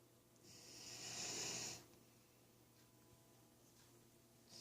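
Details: Soft snoring: a single long, hissing, airy breath swells and fades, followed by quiet.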